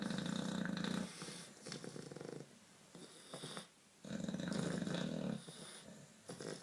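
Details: Two English bulldogs snoring very loudly.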